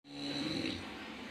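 A single rough, rumbling snore from a sleeping adult, cut short within about a second.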